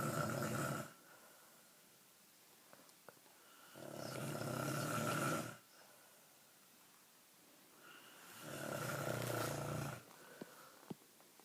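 Loud, rattling snores on each breath, about three in ten seconds, with quiet pauses between them.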